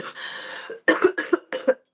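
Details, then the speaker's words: A drawn-out raspy throat clear followed by three short, harsh cough bursts from an adult woman, who describes it as a nasty cough she thinks her son gave her; cough. "But you can hear that kind of nasty cough. My son, I think, trying to give me a cough."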